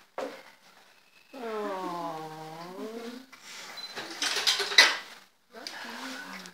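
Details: Newborn boy's first cry at birth, healthy baby: high wavering cry, noisy room sounds, then a shorter second cry.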